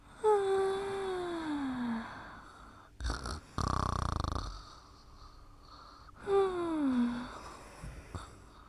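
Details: Snoring during sleep: whistling, falling nasal tones alternating with a rough, noisy breath in between.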